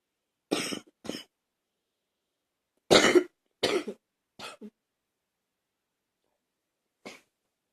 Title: #70 coughing again